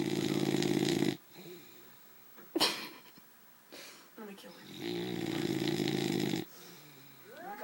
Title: My boxer snores